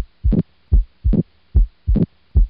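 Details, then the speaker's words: Mitral valve prolapse: regular heart sounds near 72 a minute with an extra sharp mid-systolic click after the first sound; a late systolic murmur is possible depending on the severity of regurgitation. "so the murmur here is has a mid systolic click and he can have a possible late systolic murmur depending on the severity of the regur"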